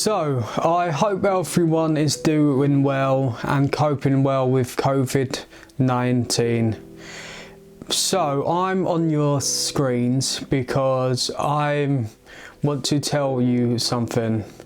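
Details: Adult male aged 22 with a stammer; stuttering.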